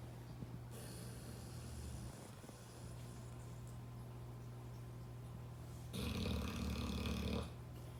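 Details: American bulldog in deep sleep snoring: deep, rumbling snores with one louder, rattling inhaled snore.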